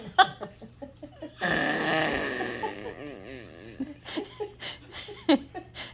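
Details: An 11-month-old girl imitating her grandfather's loud snoring, which she heard the night before, as adults prompt her.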